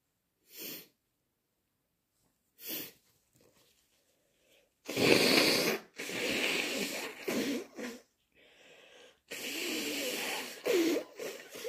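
Several short wet sneezes, then loud forceful nose blowing into a tissue.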